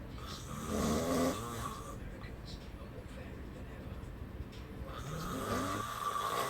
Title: Snoring